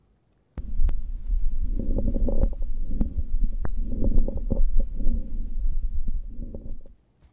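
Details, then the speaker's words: Crackles played on a training manikin during a nursing breath-sound assessment demonstration with a stethoscope: low rumbling breath noise with scattered brief pops. Crackles (rales). "so do you want to listen first we'll listen to crackles"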